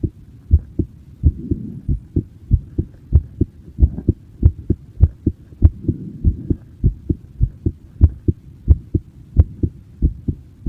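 Steady paired low thumps at about 95 beats a minute; an ordinary heartbeat.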